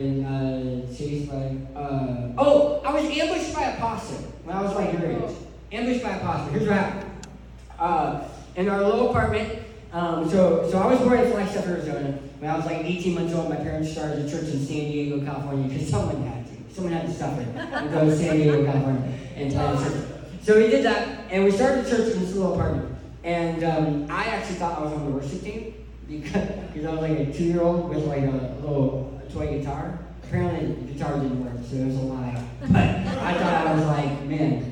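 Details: Adult male who lost 80% of his tongue to cancer, now with a permanent speech impediment; articulation disorder after partial glossectomy.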